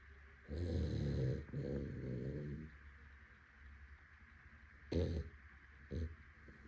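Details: Labrador retriever dog snoring out loud while sleeping: deep, rumbling snores, a long rattling one followed by shorter snorting bursts, with quiet breathing between.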